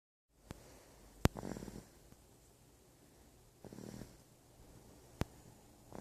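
Two soft, low fluttering snores several seconds apart, with a few faint clicks in a quiet room: light snoring.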